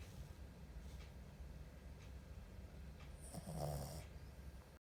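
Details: Pomeranian dog asleep: low, soft snoring breaths with one louder snort near the end over a steady background hum; dog snoring.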